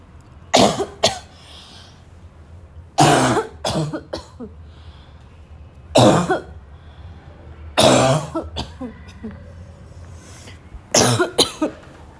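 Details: Afternoon coughing fit in a girl that starts weak and grows violent: forceful coughs in clusters of two or three, about five bouts in twelve seconds, with throat clearing.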